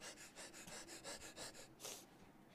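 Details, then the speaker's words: Adult acting out a sneeze for comic effect: a run of quick breathy catches builds to one sharp burst, a single sneeze. "Did you see how that my body reacted to that bacteria that then tried to enter into my lungs, darling? It forced it out, and under the guise of a sneeze."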